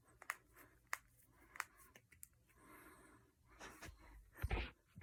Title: Cracking my knuckles and fingers.